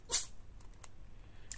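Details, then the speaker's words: Single short, sharp, hissing sneeze from a cat, followed by quiet room sound. "À tes souhaits, mon chat. Je sais pas si vous l'avez entendu. Il a éternué."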